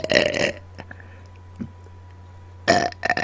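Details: Deliberate burping on command into a microphone: two loud burps separated by a quiet pause, with a low room hum behind them; burping.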